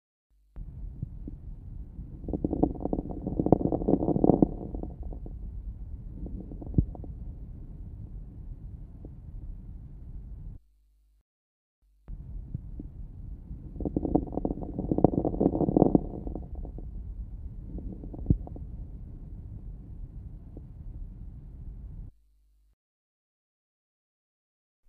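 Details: Late inspiratory fine crackles.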